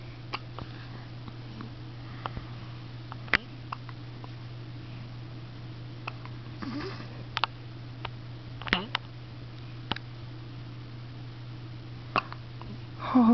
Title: Hiccup Monkey